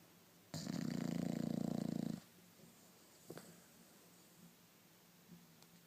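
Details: Bulldog snoring: a single loud, rattling snore lasting under two seconds, followed by quiet breathing in a small room.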